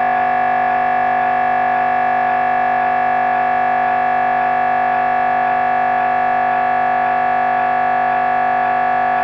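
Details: MRI brain scan recording: loud, steady buzzing drone with a fast regular pulsing beat, about two pulses a second.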